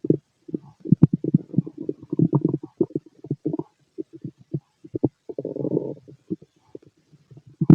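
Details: Male stomach growling, loud, from a healthy digestive system: bursts of low gurgling and rumbling with quiet gaps between; normal bowel sounds (borborygmi).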